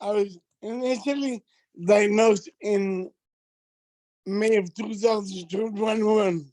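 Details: Adult man with multiple system atrophy that has affected his speech and gait; dysarthria.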